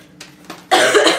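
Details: Single loud, harsh cough after faint breathy sounds from a woman with a cold who is losing her voice while talking; cough.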